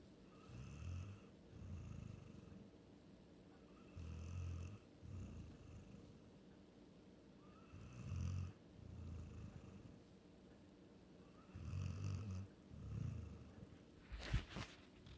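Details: Soft, low, rumbling snores in paired breaths, roughly 16 per minute, over faint room noise: ordinary snoring.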